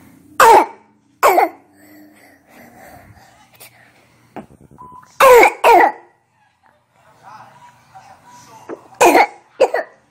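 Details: Six harsh barking coughs in pairs with quiet breathing between: brassy, metallic cough of croup in a child, indicating extrathoracic upper airway obstruction.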